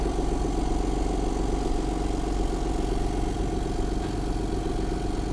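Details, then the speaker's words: ONEMED portable suction pump switched on with suction power speed being set: steady motor drone with low, rapid pulsing hum; suction pump running. "nah sekarang kita langsung pasang untuk alatnya kalau sudah kita bisa Nyalakan tombol on-nya dan atur untuk kecepatan daya hisapnya"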